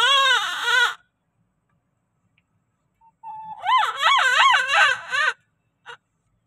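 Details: Newborn baby girl just after caesarean delivery: loud, rhythmic, wavering crying in bursts with short pauses; a normal vigorous cry after birth.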